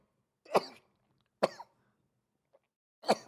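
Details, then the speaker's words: Adult male streamer with three short explosive sneezes in quick succession, which he attributes to bad allergies. "sorry chat my allergies really bad"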